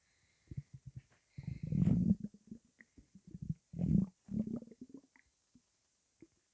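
Loud gurgling, rumbling bursts with low bubbling pops in between: stomach and bowel rumbling (borborygmi), a normal sound of gut movement.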